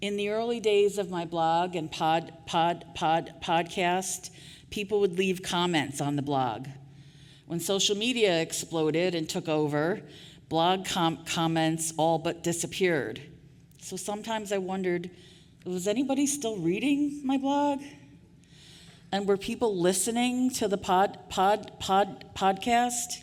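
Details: Real stuttering in an adult woman who stuttered covertly for years before speaking openly; repetitions of sounds, words and phrases are heard.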